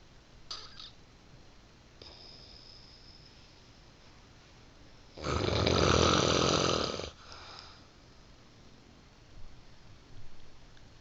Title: snoring slob